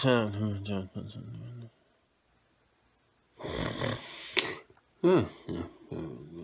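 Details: Loud snoring: low, rattling, voiced snores, a pause, then a harsh noisy snort and shorter snoring bursts, presented as a possible sign of sleep apnea.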